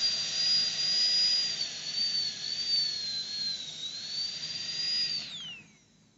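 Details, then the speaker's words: High-speed dental drill extending the occlusal box toward grooves and fissures in a class II cavity preparation; steady high-pitched whine wavering under load, then spinning down. "Eu vou estender agora a caixa oclusal em direção aos sulcos e fissuras, porque são áreas de alta incidência de cárie."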